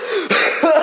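A short, deliberate cough burst from an adult man, performed on purpose as a joke demonstration.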